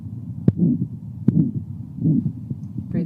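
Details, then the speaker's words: Ejection systolic murmur of aortic stenosis in a man with rate-controlled atrial fibrillation, auscultated sitting forward with breath held after deep expiration; described as louder on expiration, as a left-sided murmur. "So I would also expect uh pulmonary stenosis to be louder on inspiration uh whereas aortic stenosis is louder on expiration as a leftsided murmur."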